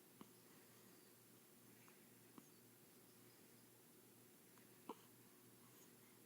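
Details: Three short, sharp hiccup clicks about two to two and a half seconds apart over steady background hum; hiccups.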